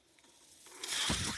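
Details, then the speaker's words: Quiet stretch, then a rising airy whoosh with a low mechanical rumble as the speaker's own mechanical ventilator delivers a breath while he records a podcast; mechanical ventilator sound. "That noise you're hearing is my ventilator. Welcome to One with the Force presented by Page Turners."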